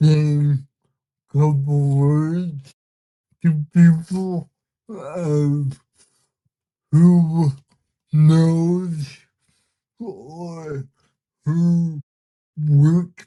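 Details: Man with cerebral palsy whose body resists him, making communication hard at times; listeners found him hard to understand at first; dysarthria.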